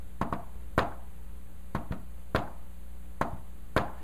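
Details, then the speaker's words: Teaching demonstration of a fourth heart sound (S4 gallop), tapped out as an imitation: a soft extra tap just before S1, giving a "Tennessee" cadence. "S 4 is so close to s 1 that when I do rid of fashion right over notice look a bit because it sounds like Tennessee Tennessee Tennessee Tennessee"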